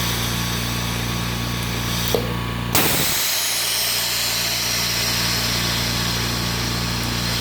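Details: DIY OxiKit oxygen concentrator with a cooling fan beside the compressor, being turned on: a brief switching thump as the compressor starts, then a steady loud mechanical hum and whine while the concentrator runs.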